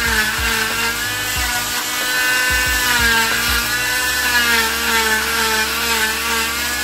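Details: Steady high whining buzz of an oscillating cast saw cutting off a boy's arm cast covering the wrist and elbow, with background music.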